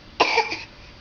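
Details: Baby boy smiles and gives a single short, soft, high-pitched cough, brief and unforced, in a quiet room; infant cough.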